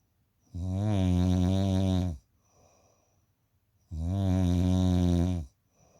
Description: Guess if this a man snoring or a woman.